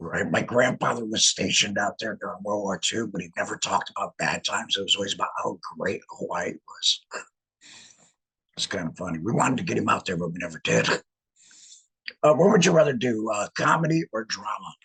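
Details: Male laryngectomee who regained speech after laryngectomy; alaryngeal speech after laryngectomy.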